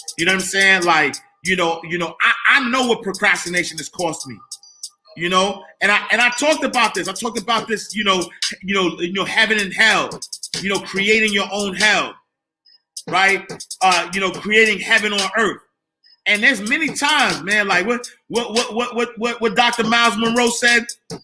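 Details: Adult man who stuttered as a kid, stutter still emerging when talking fast or excited; stuttering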